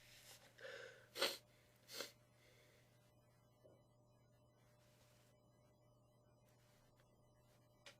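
Quick intake of breath, then two sharp sneezes close together, slightly muffled, over a steady low hum; ordinary sneezing.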